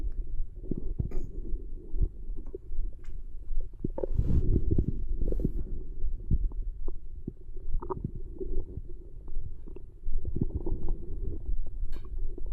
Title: Girl stomach growling after 1 day pt2